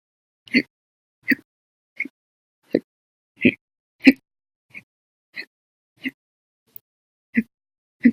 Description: The Violent, Bad Loud, Silent, Minute Hiccups, Second lasted 14 Hours and 15 Minutes for after eating Breakfast, Lunch, and drinking 1 cup of soda after Dinner on 9/6/19.